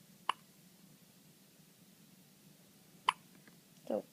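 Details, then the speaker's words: One-day-old baby boy with hiccups: two sharp, brief hiccup clicks about three seconds apart, then a short soft vocal sound. "You got the hiccups. Huh, say, Grandma, we got the hiccups."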